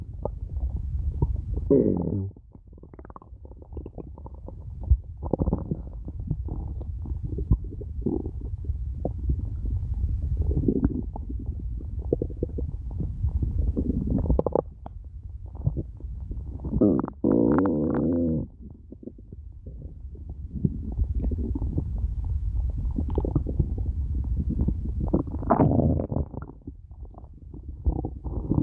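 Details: Loud, irregular gurgling and rumbling from a very hungry stomach; stomach growling (borborygmi).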